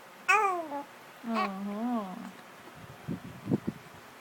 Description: Cute baby hiccups